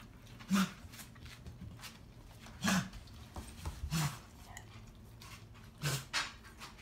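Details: A dog gives about four or five short, harsh coughs spaced a second or two apart in a quiet room; owner notes he always drinks very fast: dog cough.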